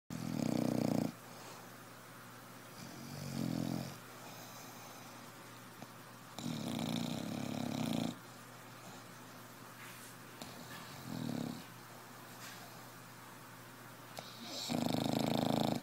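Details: Loud, low rattling snores with breathing in between, about four breaths a minute, in a quiet room: snoring.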